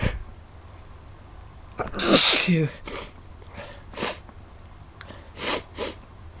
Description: Some feel good sneezing :)